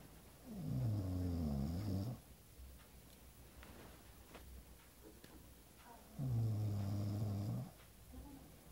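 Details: Person snoring: two long, low, rumbling snores about five seconds apart, with quiet breathing and faint room noise between.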